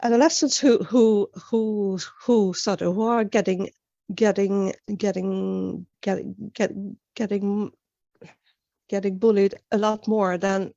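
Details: Real stuttering in an adult woman who began stuttering at age nine, with many word and phrase repetitions; finding: stuttering.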